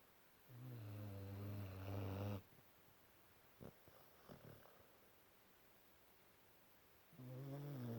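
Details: Snoring in a sleeping 5-month-old Cane Corso puppy: two loud, low, rattling snores separated by a quiet pause, with a few soft snuffles between.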